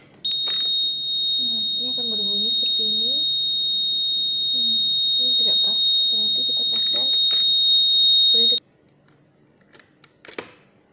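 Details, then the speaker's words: Steady high-pitched electronic alarm from a syringe pump set to 2 cc per hour, sounding after Start is pressed because the syringe is not seated properly: syringe pump alarm (syringe not seated). "Hai muda ini ada alarm Alarm ini ini ketika ini tidak pas Hai tidak pasti"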